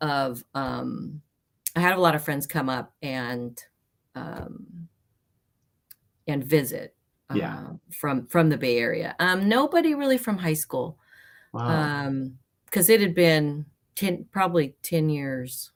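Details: Adult female, traumatic brain injury from a car accident in May 1990, about 30 years earlier, worse when nervous, mild one-sided low-tone hearing loss; aphasia (halting speech).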